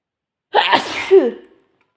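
A single sharp explosive sneeze with a short voiced tail, from a sound-effect recording.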